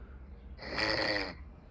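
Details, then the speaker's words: Sleeping man snoring while others try to wake him: one loud, harsh, fluttering snore on a breath in, rising and fading over about a second, with quiet room noise around it. "يحكي بالشخير."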